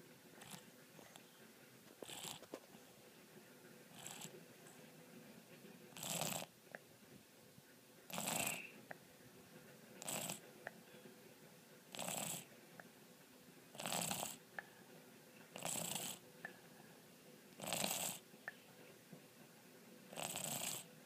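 A sleeping cat snores with soft, hissy breath sounds repeating about every two seconds.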